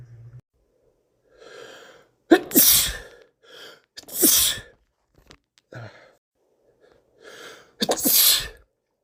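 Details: Three forceful sneezes in a row from a male, each after a rising breath in, with sniffles between; sneezing from a common cold, about one week into it.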